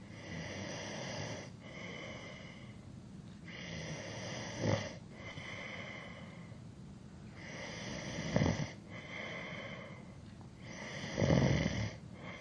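Slow, rough snores in regular cycles, about three every ten seconds, with rattling inhalations and quiet exhalations; typical adult sleep snoring.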